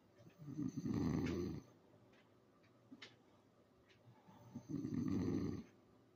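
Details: English bulldog snoring while asleep: two loud, rough, rattling snores about four seconds apart, roughly 15 breaths a minute, with quiet exhalation between.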